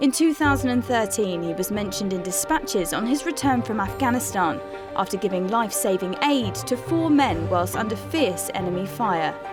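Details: Adult narrator; normal fluent speech.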